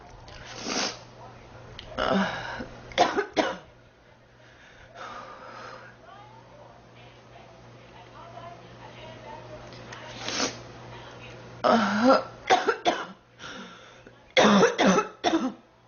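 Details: Girl who says she is sick, feels hot and mentions 3 weeks: repeated harsh cough bursts, several in quick runs, with throat clearing and quiet breathing between, persistent coughing during illness.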